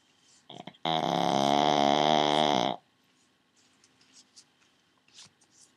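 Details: A pug dog snoring very loudly: a single loud, drawn-out, buzzy honking breath lasting about two seconds, then quiet room noise with faint clicks.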